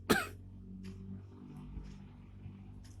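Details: Single abrupt cough burst followed by quiet room noise and a faint low hum.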